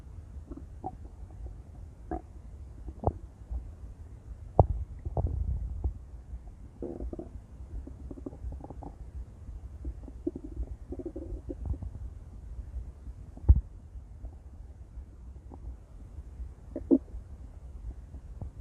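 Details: Intense stomach growling: low rumbling and gurgling bowel sounds with occasional louder squelches; ordinary borborygmi.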